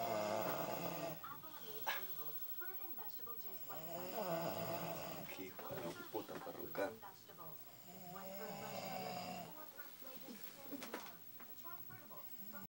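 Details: Friend asleep snoring: irregular, rough, voiced snores with fluttering snorts, mixed with some talk or laughter in the room.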